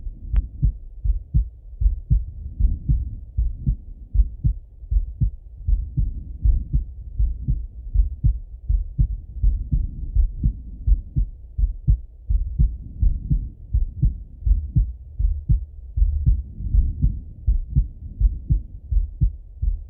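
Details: Male heart auscultated with a stethoscope, recorded either sitting at a desk or lying in bed: steady muffled lub-dub about 80 beats a minute with faint low background rumble; normal heart sounds.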